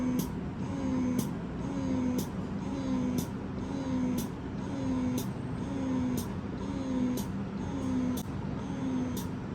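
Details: Electric breast pump on first use, started at lowest speed L1, pumping breast milk after doctor advised it for breast engorgement; steady motor hum with rhythmic whirring suction about once a second, each ending in a click.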